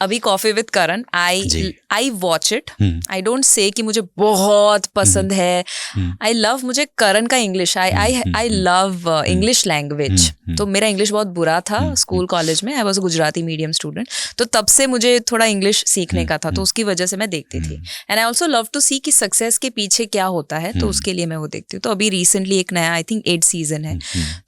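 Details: Adult woman speaking; Normal speech.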